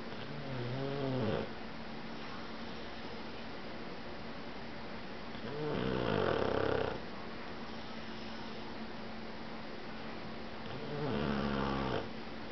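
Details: Pug napping and snoring: three loud, rough, fluttering snores at slow, even intervals against steady room hum.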